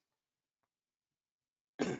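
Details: Throat-clearing vocal tic in an adult with Tourette syndrome: vocal tic.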